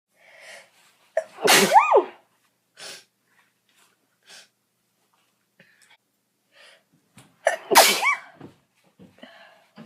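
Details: A girl sneezing twice, sharp sneezes each preceded by a quick intake of breath, with soft breathing between them.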